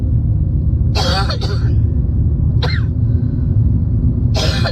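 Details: Cough with a spring cold, recorded while driving at night; about four harsh coughs over loud car road rumble.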